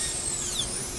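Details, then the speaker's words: High-speed dental handpiece with a quarter-round bur making small swipes for an internal retention groove in a Class II mesial slot preparation (Summit design) on tooth number 30; continuous high-pitched whine with slight pitch sweep. "make a few small swipes the quarter rounder and we made an internal retention Groove that comes all the way up to the cable surface"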